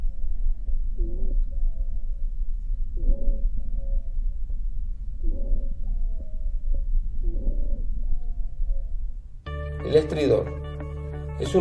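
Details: Wheezes, continuous adventitious lung sounds on chest auscultation, described as low-pitched rhonchi from turbulent airflow through obstructed airway walls, sometimes palpable on the chest wall.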